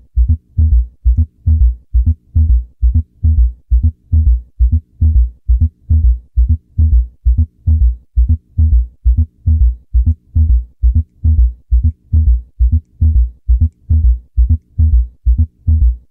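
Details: Educational heart-sound recording with S3 and S4 added; regular low heart sounds near 67 a minute, each beat a cluster of extra thuds forming a gallop rhythm.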